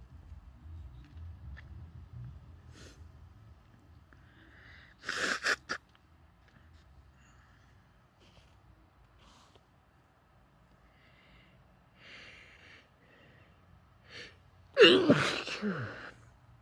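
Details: Woman: two loud open sneezes, one near the middle and one near the end, with quieter stifled sneezes and sniffing or nose blowing into a handkerchief in a quiet room; repeated sneezing.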